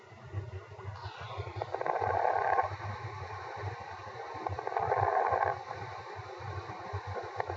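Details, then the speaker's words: Two breath sounds with fine, brief crackling late in each inhalation over low background rumble, from reopening of collapsed alveoli, as in pulmonary fibrosis or pulmonary oedema; fine late inspiratory crackles. "what the mechanism of crackles each crackles occur at the particular trans pulmon pressure and represent reopening of the previously closed or collapsed Alvi causes of fine crackles pulmonary fibrosis and Pulmonary Oda"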